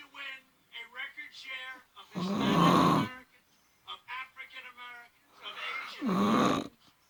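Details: Woman snoring in her sleep, recorded by her partner: loud, rough snores about every four seconds while television talk plays in the background.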